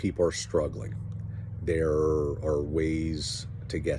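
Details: Adult man who has stuttered since childhood, barely able to get words out at six or seven. He controls it with Alexander-technique-based methods practised for decades, so he is often fluent, and the stutter may be heard only at times; stuttering.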